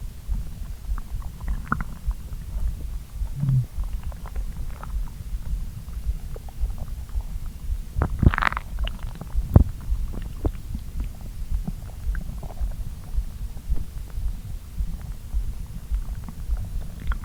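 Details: Person's stomach digesting a brunch of pasta after a long empty-stomach morning: continuous low rumbling and gurgling from the belly with occasional sharper pops, noisy bowel sounds (borborygmi) after a meal.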